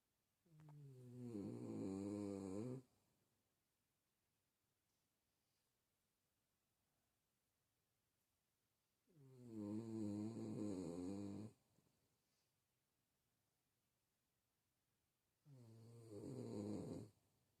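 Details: A sleeping dog snores with three long, rattling, buzzy breaths spaced by quiet pauses, napping after Christmas.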